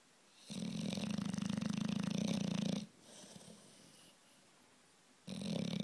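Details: Sleeping bulldog snoring: a loud, rough, fluttering snore on the in-breath, a softer breath out, then another snore.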